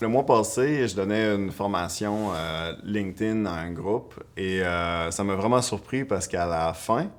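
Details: Stuttering in an adult French-speaking woman who stutters.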